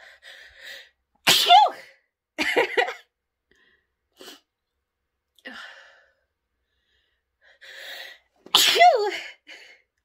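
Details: Adult woman sneezing after sniffing pepper: two loud, explosive sneezes, each after a quick intake of breath, with soft sniffs between.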